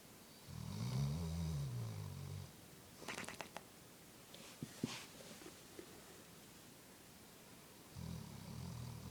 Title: Funny Dog Snoring!